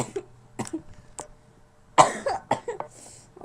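A child gives a series of about six short, dry, acted coughs in a quiet small room, a play-acted cough.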